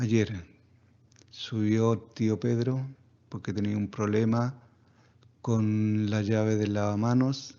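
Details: Patient with vocal fold paralysis recorded after voice therapy described as quite effective, patient satisfied and resuming all activities: improved voice after therapy for vocal fold paralysis.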